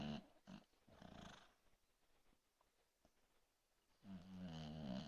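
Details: Sleeping dog snoring: low, rattling snores at the start and end with a quiet pause between.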